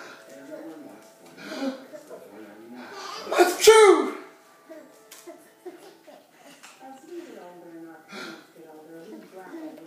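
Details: One sharp, explosive sneeze amid chatter and laughter in a room.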